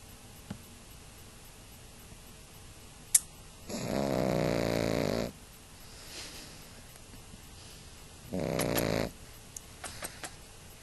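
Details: Snoring from a sleeping 5-month-old pug, a flat-faced breed: two loud, rattling snores, each followed by quiet breathing.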